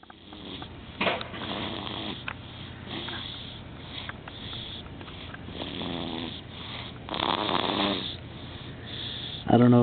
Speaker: don't know if you can hear this or not, but that's snoring. Just like his daddy.